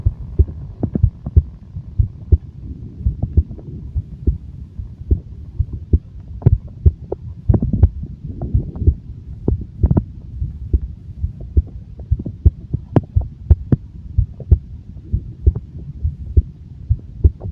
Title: stomach growling and heartbeat